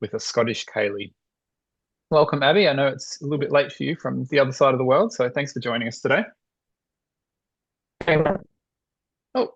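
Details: Adult male speaker; normal fluent speech.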